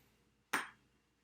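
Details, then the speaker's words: Tuning fork struck for the Rinne test on a female patient: a single sharp metallic strike with brief fading ring, then placed on the mastoid and beside the ear; result normal, air conduction greater than bone conduction. "now we'll do the rhine test i'm gonna strike the tuning forward place it on the master weight and then level it to her side of the ear and see where she gears and more alright"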